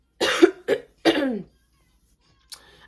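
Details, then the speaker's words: Woman who tested positive for COVID-19, possibly Omicron, fully vaccinated, hoarse with throat irritation and bad allergies: three short, sharp cough bursts in quick succession, no rattle or wet sound; dry cough. "so that's one of the reasons i stand the way i sound so if you hear me coughing throughout this video excuse me just excuse myself"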